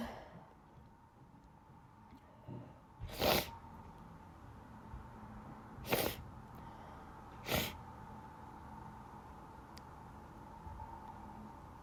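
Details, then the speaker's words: Three sneezes in quick succession over a steady background hum; allergic sneezing in a person who has sneezed all day, is not sick, and reports an itchy nose and being unable to stop. "I'm gonna sneeze. I sneezed all day at school today. I'm not sick. Just allergies again."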